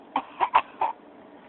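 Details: Voluntary cough: a young girl practicing her cough on request gives four quick, light coughs, a deliberate practice cough rather than one from illness.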